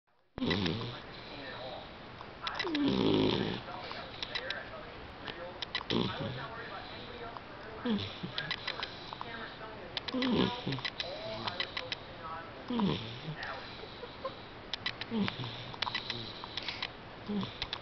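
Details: 11-week-old puppy asleep: repeated short, rattling, snorting snores about every two to three seconds over steady room noise; snoring.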